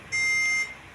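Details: Meril diode laser with fiber attached, set to continuous mode and fired by foot pedal: one steady high-pitched beep lasting about half a second; the diode laser emission beep.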